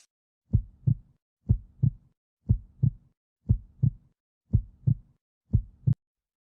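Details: Normal heart sounds: regular heartbeat at about 60 a minute, each beat a clear lub-dub pair of S1 and S2.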